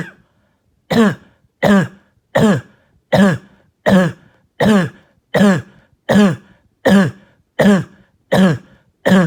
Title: Barking and Hacking Cough All Night